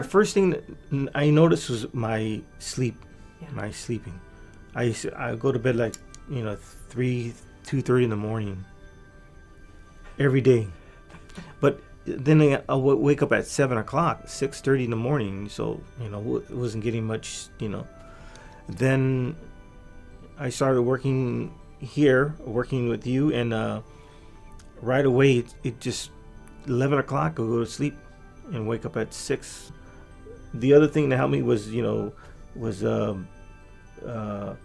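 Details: Adult man with aphasia from a massive stroke 3 years earlier, before brain training; much language regained but fluency still impaired, with repeated and fragmented words; aphasia.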